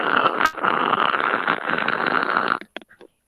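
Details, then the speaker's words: Imitated wet, rattling, snore-like gurgling breath in a first-aid airway lesson, the noise of a person with excess airway secretions who could drown in them without quick suction: gurgling respiration. "tá roncando não isso é um tipo de ruído e o que quer dizer esse ruído que essa pessoa gente pode estar pode estar com excesso de secreção tá"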